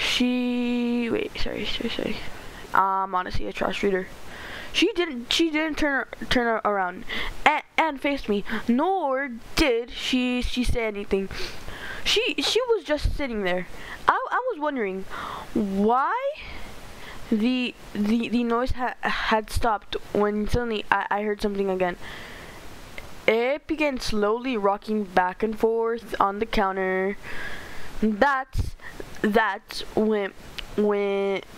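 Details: Stuttering in a male narrator reading a story aloud; he says he stutters a lot and reads badly.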